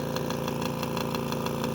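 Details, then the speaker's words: AirSep NewLife Intensity 10 oxygen concentrator, 10 L/min output, with an unusual fault: steady motor hum with a fast, regular rattling tick about six times a second, an abnormal compressor rattle and rubbing. "van a ver ahí ese traqueteo proviene del compresor así que vamos nosotros a analizar de qué se trata ese rozamiento no vaya a perjudicar algún elemento crítico no el equipo"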